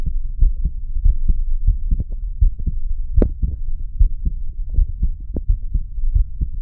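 Steady, regular low thumps in lub-dub pairs, roughly 85 a minute, with a soft rumble of background hum: an ordinary heartbeat.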